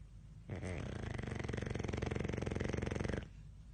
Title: Dog snores heavily in his sleep | CONTENTbible